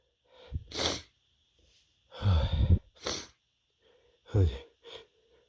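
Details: Male with big build-up sneezes: three loud sneezes, each preceded by a short indrawn breath, with quiet pauses between them.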